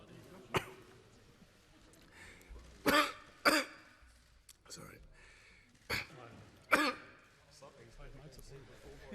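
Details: Coughing fit in a 48-year-old man, Australia's Treasurer, while giving a parliamentary speech, later tested for coronavirus: about six sharp, dry coughs over nine seconds, with throat clearing.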